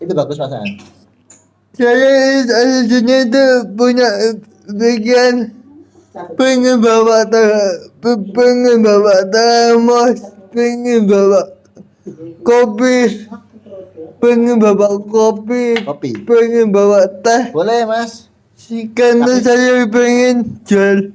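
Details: Adult with cerebral palsy, described as thinking well despite the disability; dysarthric speech (cerebral palsy).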